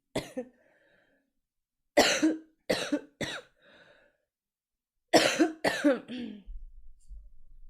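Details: About seven short, hoarse cough bursts in small clusters with pauses between, from a livestreamer who is sick with a sore throat and mentions smoking.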